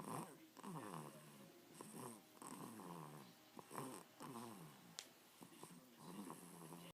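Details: 7-week-old (species not stated) snoring while lying on its mother: repeated throaty, groaning breaths with a vibrating, wavering tone, close-miked.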